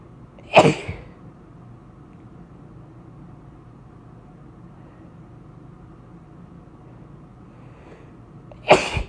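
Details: Adult, ill for about a week and a half with blocked nose, sinus pressure and possible sinus infection (suspected), inducing sneezes for relief: two sharp, explosive sneezes about eight seconds apart in a quiet room.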